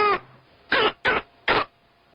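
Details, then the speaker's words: Barking, dog-like cough typical of croup from acute laryngitis: three short harsh coughs after a brief vocal sound. "这种咳嗽呢，它很特殊，它咳嗽的声音很特殊，它是一种犬吠样咳嗽，我们就叫像小狗叫一样的。"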